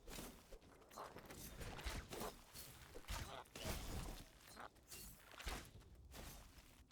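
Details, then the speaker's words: Adult coughing during video game play, described as coughing up a lung: a run of five or six heavy, harsh coughs over game sounds. "Oh crap. I hope you guys didn't hear that. That was like me coughing up a lung. I need to get some water."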